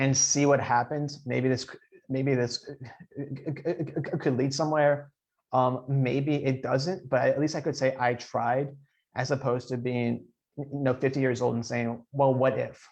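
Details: Adult man who stutters, speaking in an interview with audible repetitions; stuttering.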